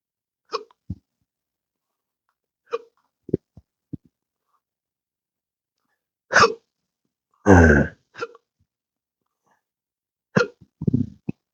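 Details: Adult with intractable hiccups since December 2015 after surgery with nerve damage: repeated sharp hiccups a few seconds apart with short throaty noises between; music in the background.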